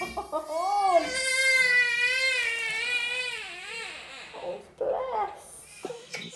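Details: Infant cry.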